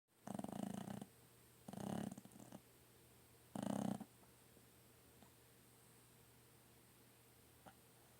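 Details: Three soft, buzzing snores over the first four seconds, then quiet breathing, from a sleeping pet filmed in poor lighting; light snoring.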